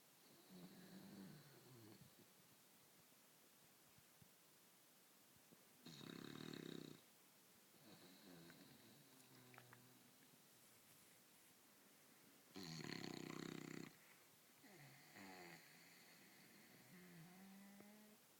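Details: Snoring while sleeping in bed like a human: slow breathing cycles with loud, buzzing snores on some breaths and softer whistling sounds on others.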